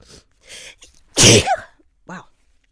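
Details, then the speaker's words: Adult female without allergies, sneezing in a series: a few faint breaths, then one loud sharp sneeze with a short trailing vocal sound, followed by a brief quiet sound. "I'm going to sneeze again I think yep so yeah"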